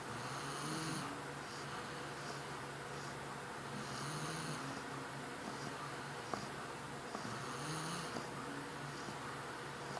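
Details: Two sleepers who both snore, one called a baby, on one's second night in the home: soft, regular snoring breaths about every three to four seconds with faint whistling in a quiet room; snoring.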